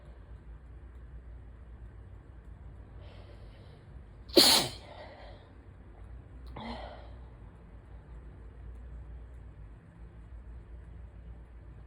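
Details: Sneeze during what the person believes is an allergy attack with stuffy nose, sore throat and asthma symptoms: faint breath build-up, then one sharp forceful sneeze and a smaller follow-up burst.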